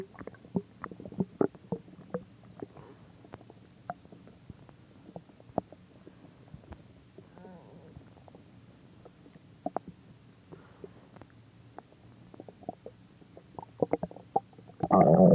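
Scattered faint gurgles, pops and low rumbles from the gut, with a brief louder noise at the end. Normal bowel sounds.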